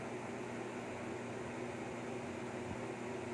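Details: Steady soft hiss with faint hum of a portable mesh nebulizer at its lowest of three levels, delivering budesonide nebulizing suspension 250 mcg to a baby.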